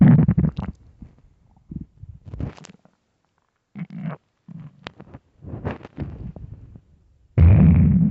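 Irregular low gurgles and rumbles in bursts, separated by silences; ordinary bowel sounds from an empty stomach.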